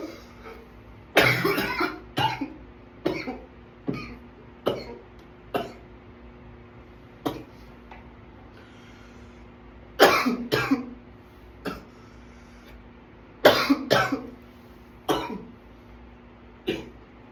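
Repeated harsh coughs, some in quick clusters, about fifteen bursts over seventeen seconds, in a prolonged coughing attack.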